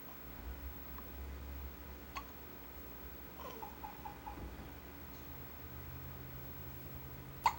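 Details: Awake newborn boy with hiccups about 15 minutes after a feed: faint, quick catch-like hiccups with small squeaks, ending in one sharper hiccup, over quiet room hum. Newborn hiccups.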